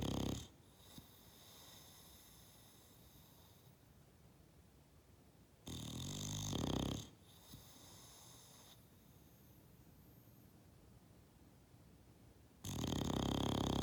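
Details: Sleeping bulldog napping after an idle day: loud, rough, rattling snores alternating with quieter breathing stretches; snoring.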